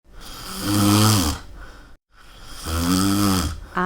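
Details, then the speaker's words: Adult man's habitual snoring during sleep, happening every day: two loud rattling inspiratory snores, each about a second long, separated by a short pause. "Ele precisa aprender a dormir sem roncar. O amo tanto, mas está sendo tão difícil suportar isso."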